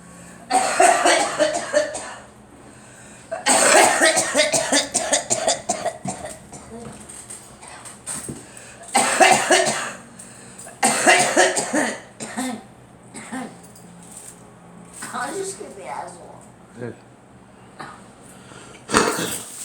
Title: Girl coughing